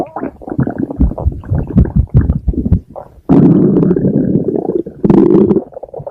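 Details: Loud low gurgling and rumbling rising into longer sustained growls: stomach growling (borborygmi).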